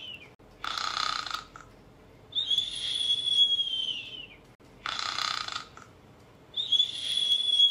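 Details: Snoring sound effect for sleeping cartoon characters: a hissing intake alternating with a high whistling out-breath, repeating in a comic pattern.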